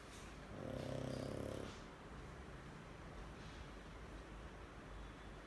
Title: Snoring